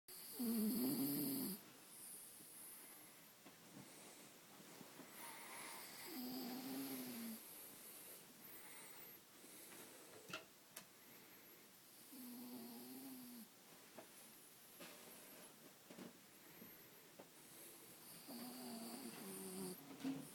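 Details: Dog snoring in sleep: slow, irregular snorting and whistling snores, roughly ten a minute, with household noise behind.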